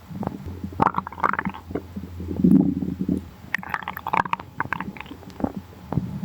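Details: Low rumbling gurgles with squelchy bubbling pops and a sustained growl midway: stomach growling (borborygmi).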